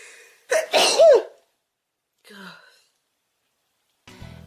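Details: One loud sneeze: a sharp intake, then an explosive voiced burst, followed by brief quieter vocal sounds. An ordinary sneeze from a compilation of sneezes.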